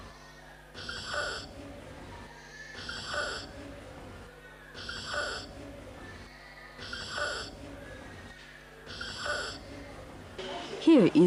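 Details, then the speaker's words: Child aged 2 months to 5 years assessed by looking and listening to breathing: a harsh noise when breathing in, judged to be stridor rather than wheezing; IMCI practice video. "look and listen to his breathing does circular have stride 'el or wheezing what did you decide we heard a harsh noise when was breathing in"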